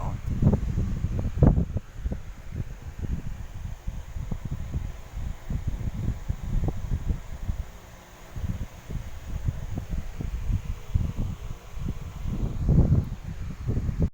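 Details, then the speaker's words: Fetal heartbeat self-monitored with a handheld fetal Doppler: rapid, muffled whooshing pulses with probe rustle. "the heartbeat of the baby is very palpable bubble I can really hear with heartbeat of my baby"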